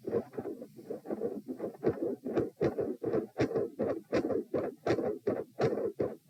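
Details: Heart sounds recorded at position P while lying down during repeated Valsalva strain; regular, muffled, at about 80 beats a minute.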